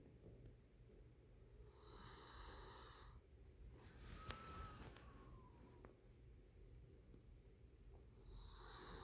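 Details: Sleeping puppy snoring with a whistle: quiet breathing noise with a couple of faint whistling sounds.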